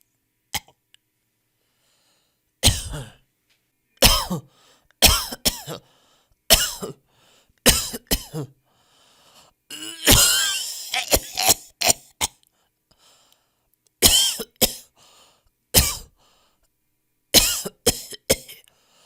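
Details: Sound-effect compilation of people coughing in different styles: separate harsh cough bursts, some single, some in short runs, with throat clearing.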